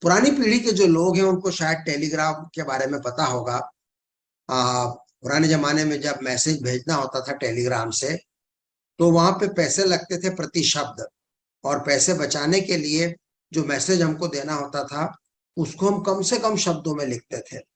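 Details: Adult male speaker; Normal speech.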